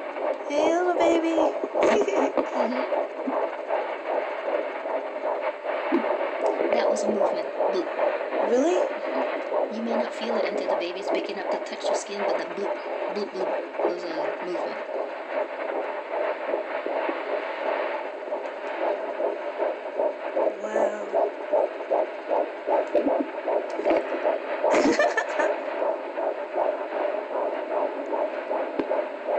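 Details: Fetal heartbeat at 12 weeks of pregnancy on fetal Doppler: rapid, rhythmic whooshing pulses at about 150 beats a minute.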